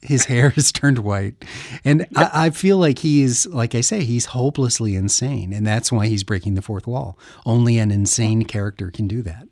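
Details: Adult male speaker; typical speech.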